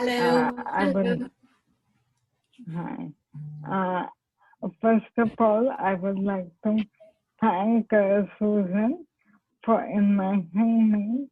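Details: Dysarthria in amyotrophic lateral sclerosis (ALS/motor neurone disease) in an adult woman who is an ALS patient, speaking spontaneously.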